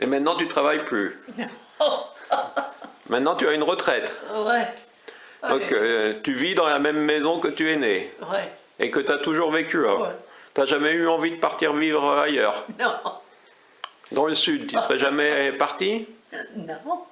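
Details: Adult speaker, French conversation; normal speech.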